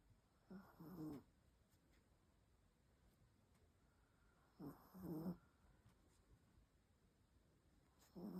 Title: Snoring her little head away, typical chihuahua - done nothing at all today. #sleepydog